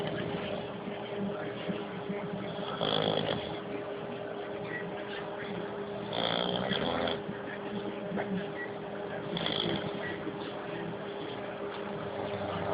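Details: Rough, rattling snores about every three seconds, near 18 breaths a minute, over a steady room hum; ordinary snoring.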